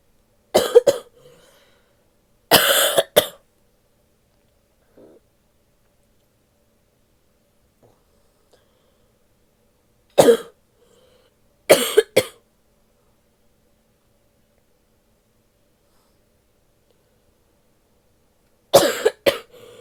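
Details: Five short bouts of sharp coughing, mostly in pairs, with quiet gaps between, from a sick adult female; cough.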